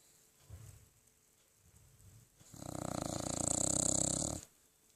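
A sleeping dog gives a few soft breaths, then a loud, rough, rattling snore lasting about two seconds.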